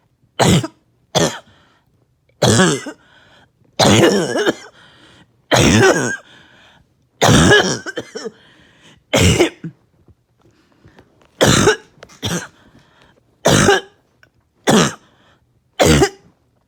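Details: About a dozen harsh, barking coughs in bursts of one to three over sixteen seconds, while on strong medication with little chest pain; a barking cough.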